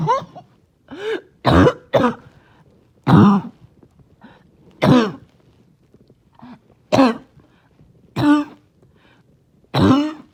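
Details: Person with an ongoing barking cough, trying not to choke on a rough day: about six harsh, barking coughs with throat clearing, spaced by quiet breaths.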